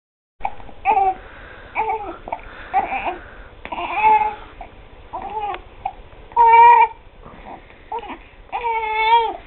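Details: One-month-old infant with hiccups, being dressed: short fussy cries and whimpers with pauses between them; infant cry with fussing.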